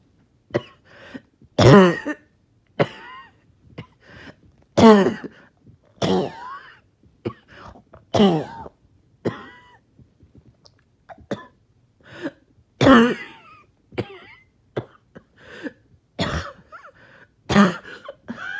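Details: Repeated harsh coughs and throat-clearing with strained breaths between, heard after a 20-minute workout or morning walk with trouble breathing; choking coughing fit.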